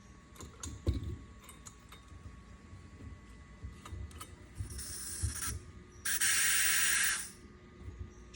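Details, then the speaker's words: Clicks of valve handling, then two bursts of steady hissing as leftover oxygen bleeds out through the regulator after the tank is shut off, following a pressure check on an ambulance oxygen tank. "lastly after you've checked your tank be sure to turn it off again and bleed off the"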